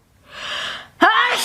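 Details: Powerful sneeze from an adult woman.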